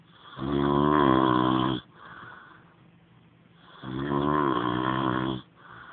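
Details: Adult man snoring: two long, loud, rattling snores on the in-breath, each about a second and a half, with a quieter breath out between; someone tells him he's snoring.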